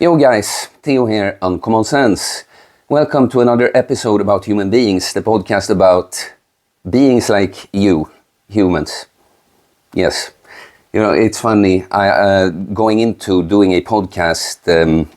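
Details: Adult male speaker; no speech disorder.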